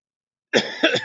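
A single short double-burst cough after silence, with a slightly throaty, clearing quality.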